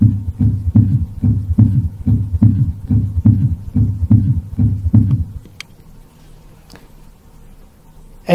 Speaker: but in older adults is commonly associated with systolic heart failure or even diastolic heart failure and it suggests elevated filling pressures on the left side of a heart this is the sound of an s3 gallop